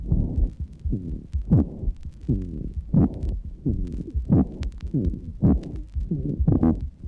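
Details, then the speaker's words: A bronchial asthma teaching recording with rapid breathing and repeated musical, whistling squeaks on the breaths in: inspiratory wheeze (sibilant rhonchi). "note the sibilant rhonchi on inspiration"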